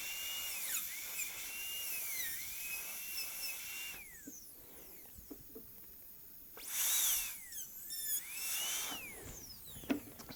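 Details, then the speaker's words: Dental handpiece with diamond bur, whine in bursts dropping under load with quiet gaps and clicks, reducing the inner functional cusp, gold onlay preparation of tooth #18 on a typodont in a dental school simulation lab. "so now i want to move inside and do the same thing so we'll use our diamond for this part"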